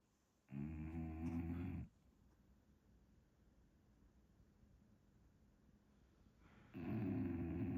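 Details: An English Bulldog snoring in sleep: two long, loud, rumbling snores about six seconds apart, with quiet breathing between; noisy sleep breathing of a flat-faced dog.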